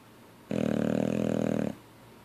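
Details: Boxer dog snoring with jaws flapping: one drawn-out, fluttering, buzzing snore lasting just over a second, with a flapping quality from loose jowls.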